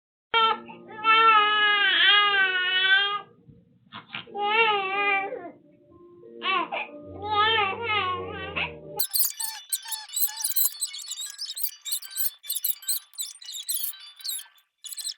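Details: An infant in the same room as its snoring father: several drawn-out, wavering infant cries with short breaks, followed by music.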